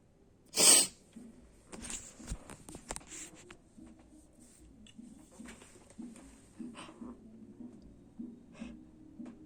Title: Sneezing attack